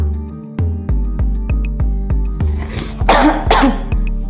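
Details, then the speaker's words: Acted cough and sneeze bursts over rhythmic background music in a cough-and-sneeze etiquette demonstration; cough. "ketika kamu batuk dan bersin kamu dapat menggunakan tisu atau sapu tangan untuk menutupi hidung dan mulut kamu"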